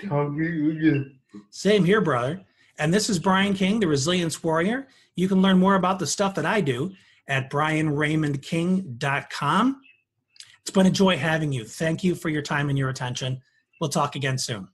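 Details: Adult man; typical speech.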